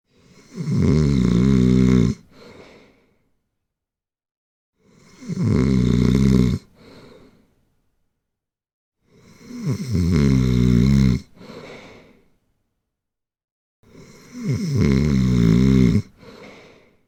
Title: Snore. Snoring. Sound snoring. Prank over friends